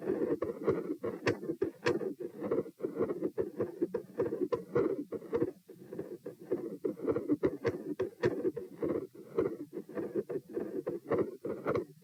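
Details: Continuous machinery-like murmur recorded at position P, sitting and standing, heart rate 96 bpm sitting and 108 standing: rapid beat near 100 a minute with a rumbling murmur running continuously through both heart sounds, fading out.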